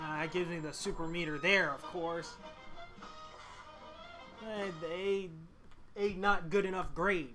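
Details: Male speaker who stutters, reading a story text aloud; he says his stutter won't let him read part of it at that moment: stuttering.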